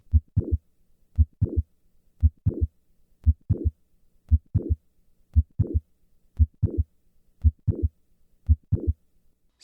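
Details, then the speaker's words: Mitral valve prolapse with a mid-systolic click and late systolic murmur during a squat maneuver: standing, then squatting, then standing again. The click moves later in systole with squatting and earlier with standing. "listen to the change in the click in the murmur with a squat maneuver I will start in the standing position and then move to squatting and then return to standing squatting"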